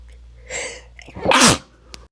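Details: During a sneeze hold-back attempt with the nose tickled, switching to the left nostril: a short in-breath builds, then one loud, explosive sneeze, followed by quiet breathing.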